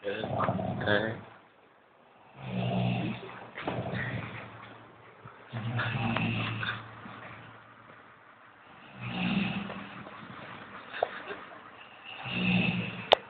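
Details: A sleeping man snoring: loud, rough, irregular snores, some with a groaning, almost sung quality, about 19 breaths a minute.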